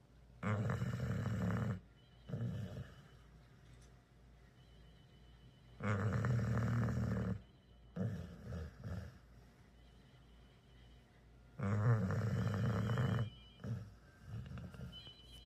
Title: silly puppy snoring #puppy #funny #pitbull #snoring